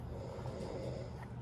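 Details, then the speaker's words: Adult man lying asleep on a sofa, heard in the background: low, rough, rumbling breathing noise, steady through the short stretch; snoring. "so I'm going to get him woke up because he is laying on the sofa so if y'all heard that noise in the background he is snoring again"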